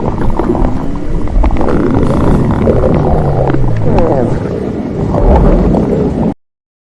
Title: Stomach Growling Louder 3